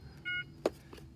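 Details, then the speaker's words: Philips BiPAP AVAPS home ventilator, demonstrated with a passive circuit for invasive ventilation: holding the main button gives a single short electronic beep and a soft click as the system shuts down; ventilator shutdown beep. "beep once it'll shut the system down I did that just so obviously we can see how to turn it off"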